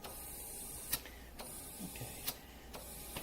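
Soft valve clicks and brief puffs repeat in a steady cycle over a faint hiss: a neonatal transport ventilator cycling breaths into a test lung.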